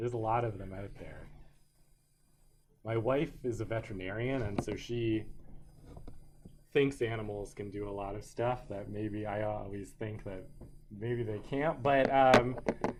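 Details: Adult man; ordinary speech.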